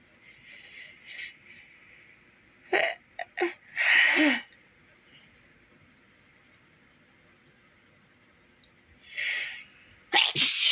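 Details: Several sharp, hissy sneezes from an adult in bed in a quiet room, some in quick succession, while trying to hold them back.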